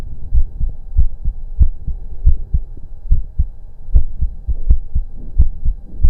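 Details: Self-recorded auscultation of own heart during breath holds: low thudding lub-dub heartbeat at roughly 90 beats a minute, with some rubbing noise.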